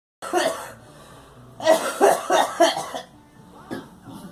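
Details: Girl gives a single cough, then a rapid run of about five coughs and one more.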